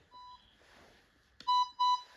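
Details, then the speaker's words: ResMed Astral 150 portable invasive and non-invasive ventilator powering on after a single tap of the green rear button: a soft tone, a click, then two louder identical electronic beeps; normal start-up signal. "तो machine को on करने के लिए हमें जो back पे button मिलता है ग्रीन कलर का, हमें उसे सिंगल 1 टैप करना है, और 1 टैप के बाद हमारी मशीन ऑन हो जाएगी। लोडिंग टाइम लेता है कुछ ये।"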